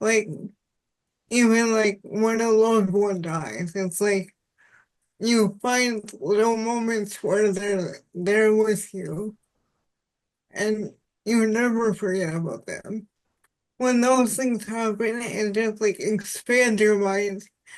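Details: Dysarthria in an adult woman with spastic quadriplegic cerebral palsy since birth, with high muscle tone in all four limbs; she says voice assistants struggle to recognize her speech.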